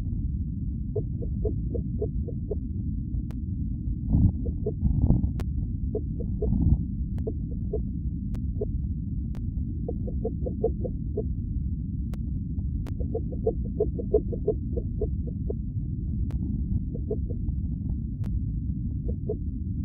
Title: My Little Babies Heartbeat March 30 2021